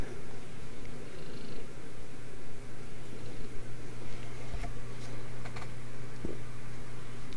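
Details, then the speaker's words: A steady low, rumbling snore from a dog sleeping in the background, with faint clicks and handling noise nearby: snoring. "if you can hear my my snoring dog in the background"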